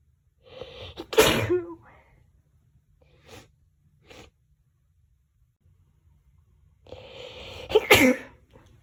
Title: Birthday Sneezes